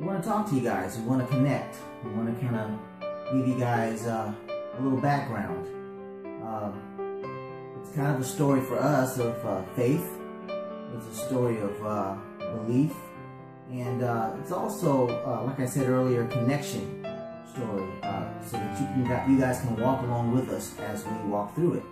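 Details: Adult man speaking; normal speech.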